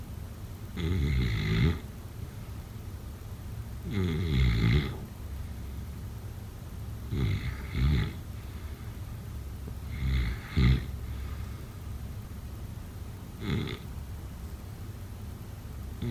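Loud, rough, rattling snores on each in-breath, about five in sixteen seconds, roughly 20 a minute, with quiet pauses between; snoring.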